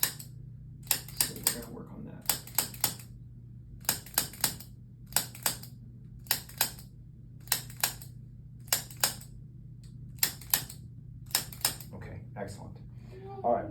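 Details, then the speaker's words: Activator adjusting instrument used on a held infant, referred by a pediatrician for neck immobility and an early misshapen head, with a head tilt. Sharp mechanical clicks in quick pairs and triplets, about a dozen bursts over fourteen seconds. "what we're going to do is you're going to hold him and as you hold him I'm going to go through using the activator and just gently go through what I find"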